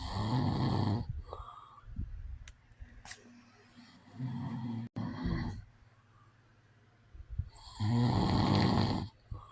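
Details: Real recording of an adult man snoring: loud, rough throat and nasal snores with quiet pauses between them.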